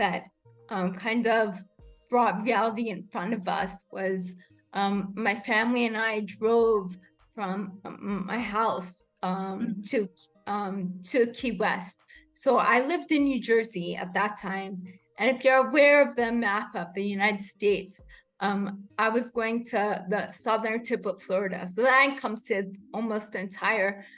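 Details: Adult woman with rare degenerative cerebellar ataxia of unknown cause, diagnosed as a pre-teen; slurred speech began in early teens, improved with speech therapy, and worsens with fatigue or emotion; ataxic dysarthria.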